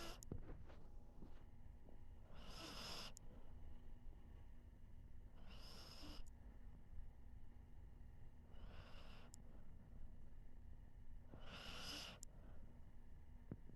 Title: Dogs Sleeping And Snoring With Owners Be like | Owners And Dog Sleep Like A Baby